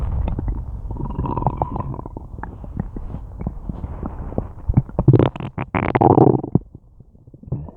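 Continuous loud gurgling and groaning with bubbling pops and a long rumbling stretch; active stomach and intestinal growling.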